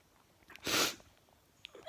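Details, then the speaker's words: Adult sneezing again indoors despite an air cleaner, unsure why, maybe tiredness; a single sharp, explosive sneeze with a brief sniff afterward. "i have no idea why i'm sneezing maybe because i'm tired"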